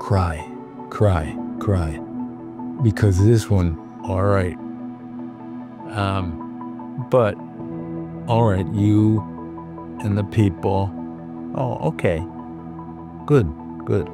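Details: Non-fluent speech of a woman with severe aphasia.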